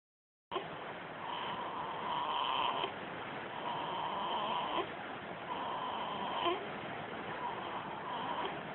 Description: My newborn baby girl made this snoring sound.